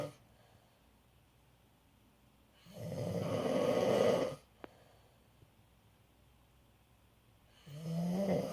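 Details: Father snoring during sleep, recorded 16 August 2016: a quiet room broken by one long, rough, noisy breath lasting over a second, then another beginning.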